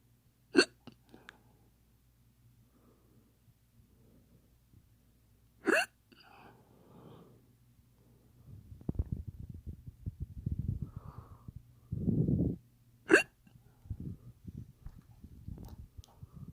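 Three sharp, sudden hiccup sounds several seconds apart, with quiet rustling and low voices between them. The hiccups are faked.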